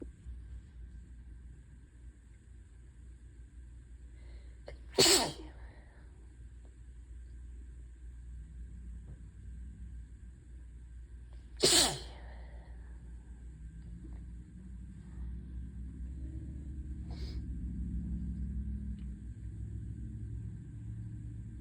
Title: Hitchy, teasing sneezes pt. 1 (tease at the end!)